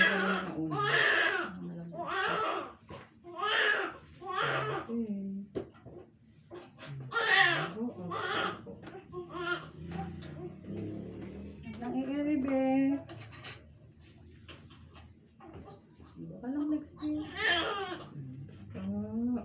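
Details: Newborn baby boy just after birth, the mother's fourth baby: repeated rhythmic wails with adult voices and background music in a small room; normal newborn cry.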